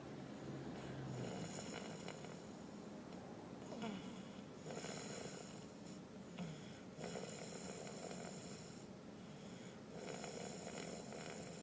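Repeated rough, rattling breaths against steady hiss in a small room, about five in twelve seconds. Sleep snoring.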